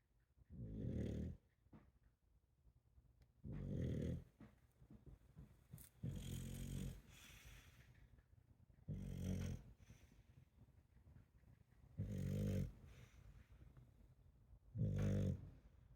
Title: snoring Piggy